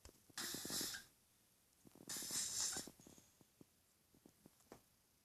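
Two loud, hissing, fluttery indrawn breaths about two seconds apart, separated by soft clicks and quiet pauses: snoring.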